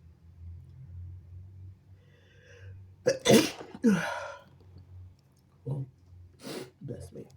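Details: Quiet breathing, then two forceful sneezes in quick succession that sprayed over a phone and arm, followed by sniffs and short, messy nose blows into a tissue.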